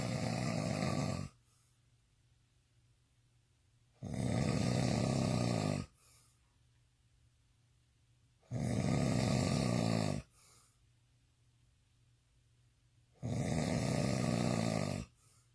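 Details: Drunk man snoring intensely: loud, rough, rattling snores about every 4.5 seconds, roughly 13 breaths a minute, with quiet exhalations between.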